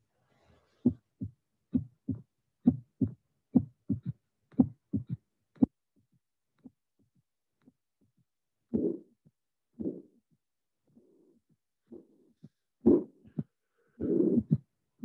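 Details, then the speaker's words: Tricuspid regurgitation with right-sided third heart sound: crisp normal beats, then an added third sound, then a loud regurgitant murmur waxing and waning with breathing. "let's start with the two beats, the beats that are normal, then the third sound occur. And lastly, we shall have the tricuspid regurgitation that is the only regurgitation that can vary in such an extreme way due to respiratory finding."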